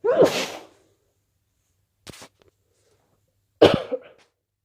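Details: Day 2 of a cold: two loud sneezes separated by a brief nose-blowing or sniffing sound; sneezing with a head cold.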